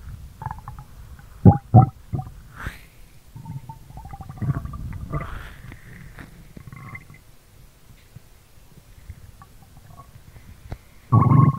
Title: stomach sounds asmr, stomach growling asmr | 2022-04-23